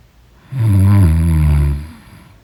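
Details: One loud, long, low rumbling snore on an in-breath in deep sleep, rising then fading, in a quiet room: snoring.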